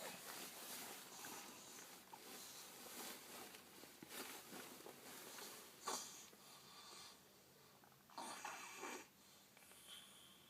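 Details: Lily snoring while asleep, with episodes of stopped breathing; no cold or runny nose, obstructive sleep apnea suspected. Irregular noisy breathing with rough snorting bursts, about 20 a minute, in a quiet room.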